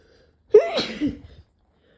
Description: I decided to try Chhinkni and damn it made me sneeze, I don't normally sneeze much at all (even when inducing).